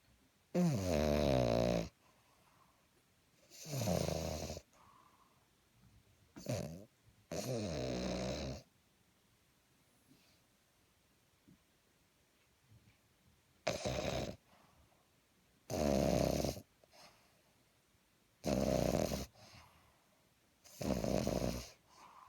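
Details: Pug dog snoring nightly, louder than his owner: loud rattling snores in uneven bursts, about eight in twenty seconds, with quiet gaps; heavy snoring.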